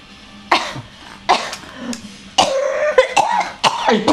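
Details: About four short, harsh adult coughs from the grandmother ("por por") in a quiet room, with a baby's brief laughter between them. A plain cough.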